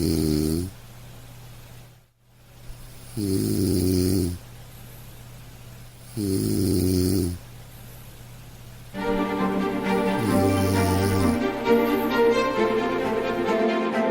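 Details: Three loud, rattling snores on breathing in, with quiet gaps between, then music comes in: snoring.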